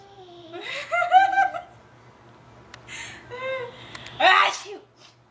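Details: Adult sneezing randomly while a baby laughs: voiced laughter and vocal sounds, then a sudden loud burst near the end fitting a single sneeze, followed by a short sound.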